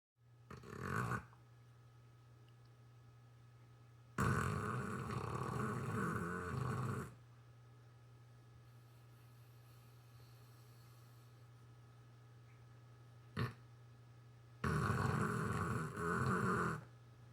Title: Another snoring vid...the tongue! 🤪 #shorts #saintbernard #rescue #saint #oregon